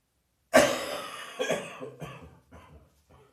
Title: Heavy Chest Cold Night Coughing